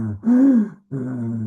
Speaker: So this I think of it reminds me of light snoring breathing as if you constrict the back of the throat. Like if you were in a room with someone snoring and their throat is constricted, their nose is constricted, you'd hear them go.